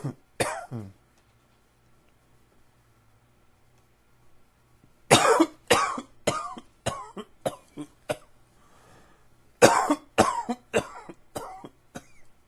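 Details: Allergy coughing: three separate bouts of dry, harsh coughing in quick runs, roughly sixteen coughs in all, with quiet gaps between bouts.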